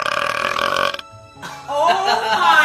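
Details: Loud, drawn-out, gurgling belch followed by a second rumbling burp, with music in the background, in a couple's funny clip; burping.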